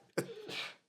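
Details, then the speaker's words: An adult gives a single abrupt sneeze during a podcast recording: a sharp burst, a brief voiced sound, then a hissing rush of air, followed by an apology. "J'ai éternué, pardon. C'est fini. J'en ai encore 3, mais bon."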